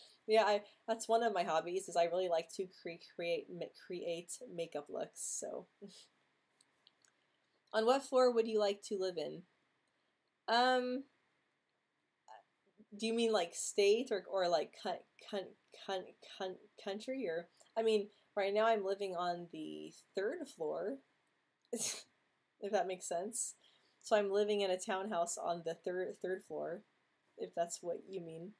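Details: Female host who stutters, speaking in a stuttering livestream hangout; stuttering.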